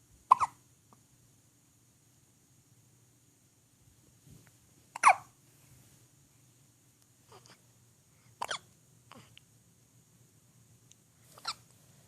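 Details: Hiccups: sharp, brief hiccup sounds repeat at irregular intervals, about five in twelve seconds, in a quiet room with a steady background hum.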